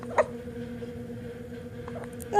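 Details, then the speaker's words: Hiccups in an infant having them badly, with the whole body shaking: a single sharp, brief hiccup with another starting at the end, over a steady room hum. "Oh, hiccups are the worst. Oh my goodness. Oh, they go away?"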